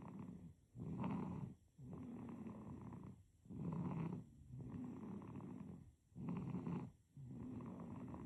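Rhythmic, soft, rumbling snores on each breath, about 22 breaths a minute. Snoring in a sleeping baby.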